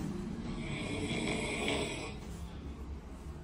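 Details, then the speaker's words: Single loud, rough snore on a breath in during sleep from an adult man, with faint room noise; recording shows a roughly 10-second breathing pause, suggesting mild sleep apnea. "Babam işte böyle eşler geliyor kocalarından rahatsız Kocanız böyle horluyor mu sizin"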